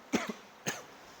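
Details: Acted cough in a tuberculosis education skit; the man later tests positive for tuberculosis: two short, dry cough bursts, the first a double cough, in a quiet room.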